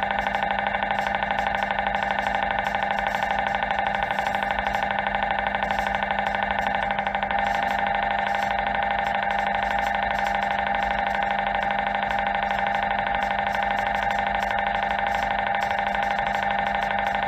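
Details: MRI scanner noise during imaging: loud, steady, rapid mechanical buzzing and droning, about two pulses a second, a normal scanner sound.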